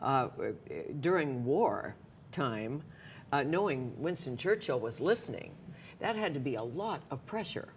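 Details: Adult woman speaking; typical speech.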